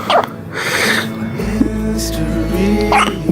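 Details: Newborn girl, 12 hours old, with hiccups: two brief, high squeaky hiccup bursts like a squeak toy, over background music.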